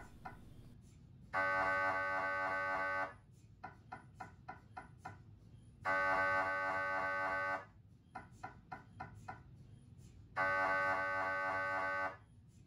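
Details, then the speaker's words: GE Signa Excite 1.5T MRI scanner on a brain protocol, coronal T1 FSE-XL sequence: loud buzzing tonal bursts of about two seconds, repeating every four to five seconds, with quieter knocking between. "Ang coronal T1 FSE XL pull sequence ay nagbibigay ng parehong kakayahan sa Imaging gaya ng axial T1 FSC XL maliban sa phase at frequency na direksyon ay binaligtad ng 90 degrees upang magbigay ng isang perpendikular na view ng anatomy"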